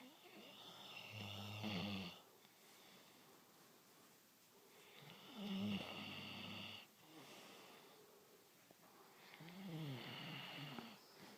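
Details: A sleeping dog snores three times, with low, rattling, fluttering in-breaths about 14 a minute and quieter breathing between them; ordinary snoring.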